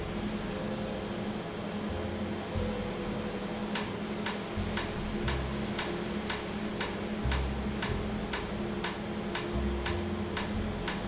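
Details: Laser tattoo removal session in Jamaica, after numbing cream: a steady machine hum with regular sharp snapping clicks, about two per second, as the laser fires pulses. Treated skin is afterwards slightly raised and swollen.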